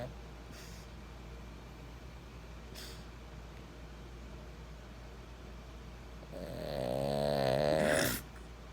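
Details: A sleeper recorded in 2020 gives a single snore: one drawn-out, pitched, rattling breath lasting under two seconds over steady room hiss.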